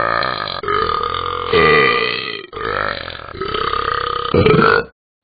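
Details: Long, loud, drawn-out burps, several in a row with brief breaks, from the Talking Ben the Dog app; burping.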